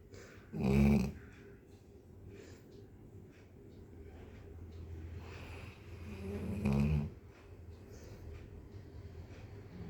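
Two short, low, snorting snores about six seconds apart with soft breathing between, from a sleeping dog; ordinary snoring.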